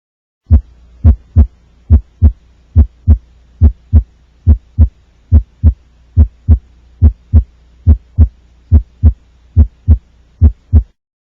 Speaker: just to tune our ears let's listen to a normal heart